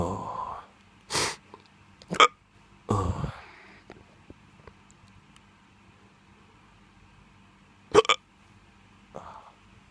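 Several abrupt, sharp hiccups with short gasping sounds between them, in a quiet room.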